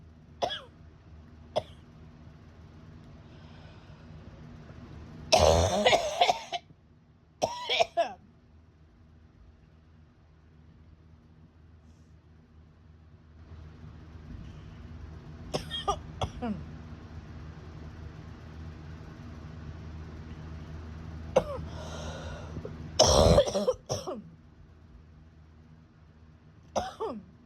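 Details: Adult with acute bronchitis about 10 days after a summer head cold moved into the chest; repeated harsh coughing fits with a steady low hum behind.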